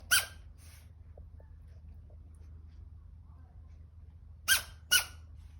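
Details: Three short, sharp, squeaky bursts separated by quiet pauses, fitting small sneezes.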